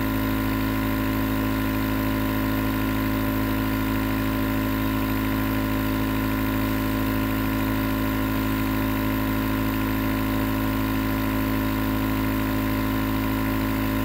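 Steady mechanical hum with a rapid buzzing vibration throughout; a nebulizer compressor running continuously.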